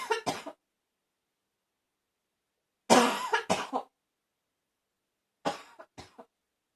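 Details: Barking cough.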